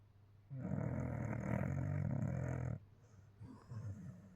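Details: A puppy sleeping hard after play: a long, loud, rumbling snore of about two seconds, then softer snorting breaths; snoring.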